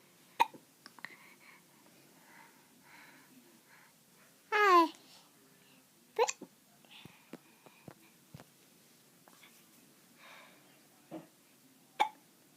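Sharp, brief involuntary gulping sounds at irregular intervals over quiet background: hiccups.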